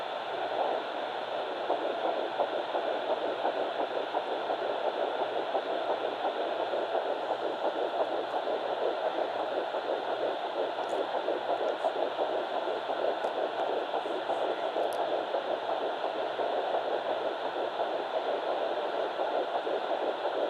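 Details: Fetal Doppler of Baby A at 9 weeks 6 days, found on mother's left side after days of searching: fast, rapid whooshing pulses over steady Doppler hiss, roughly 170 per minute, an early fetal heartbeat.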